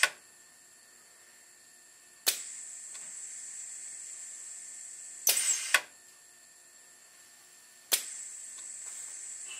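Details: Proof-of-concept ventilator prototype cycling about 11 times a minute, with a pneumatic air-cylinder rubber ram squeezing a 1500 ml resuscitator bag: sharp valve clicks with bursts of hissing air.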